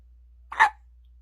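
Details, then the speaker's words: A single short, sharp hiccup from a baby girl in a quiet room, who got hiccups after a bath and a feed while being burped; hiccup. "trying to burp you and you got hiccups instead oh boy let's work on getting rid of these huh yeah want to say bye-bye to the hiccups oh"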